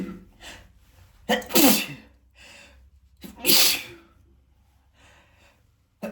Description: Today i decided to do a little experiment so i searched for the perfect camera angle until you could see my spray and this is the result.